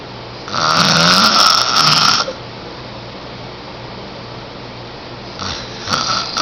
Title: 10yr old me snoring loud